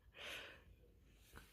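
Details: Mother imitating her own snoring at a child's request after tiring childcare: one short snort; simulated snoring.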